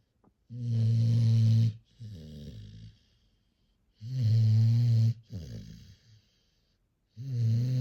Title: Bully Breed Puppy Sleeping & Snoring | Cute Puppy Compilation